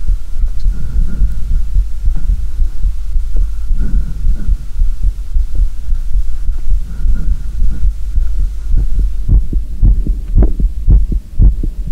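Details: Real heartbeat recorded for ASMR, no talking: soft, muffled low thumps under a faint steady hum, with sharper tapping clicks toward the end; normal heartbeat.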